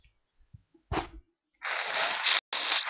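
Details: A short indrawn gasp, then a loud, harsh morning sneeze breaking off briefly; one of a few morning sneezes, with a single nose blow.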